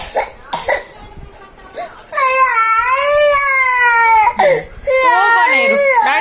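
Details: Young boy crying loudly for his Dad, sustained wailing with sobbing catches, while an adult speaking Kannada soothes him with promises that Daddy will come and bring treats; ordinary child crying.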